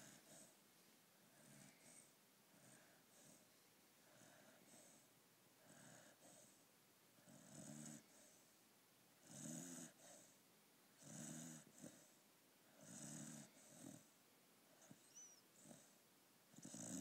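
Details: Puppy Enzo snoring while asleep and dreaming: soft, fairly quick snores with a light nasal whistle, about 30 per minute, some louder than others, in a quiet room.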